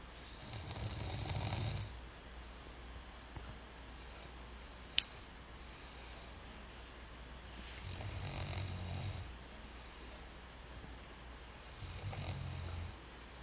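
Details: Man asleep: three low, rumbling snores on breaths a few seconds apart, with quiet room hum between them; ordinary snoring.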